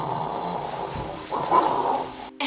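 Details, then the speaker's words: Loud, rough, rattling snore on a breath in, followed by a snorting sound, from a girlfriend's snoring boyfriend in a comedy sketch; snoring. "it's not like one of those cute snores it sounds like a freaking dying whale that shit's loud"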